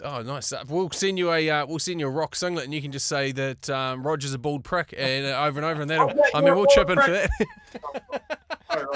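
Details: Adult man speaking; ordinary speech.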